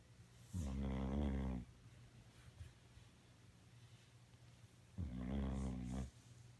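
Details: Two long, low, rumbling snores about four seconds apart, each lasting about a second, with quiet room noise between them, from a sleeping dog; ordinary snoring.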